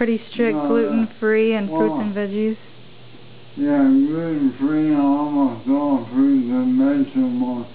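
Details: Adult man with ALS (amyotrophic lateral sclerosis), voice markedly worsened since his previous recording; dysarthria (ALS).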